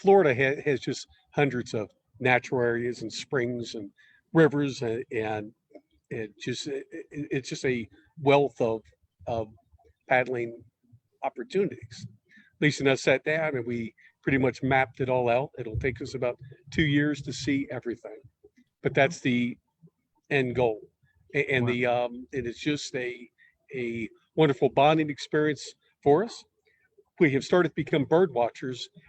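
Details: Stuttering in an adult man who stutters and counts people who stutter as his own community, speaking as a podcast guest in a conversation about stuttering support.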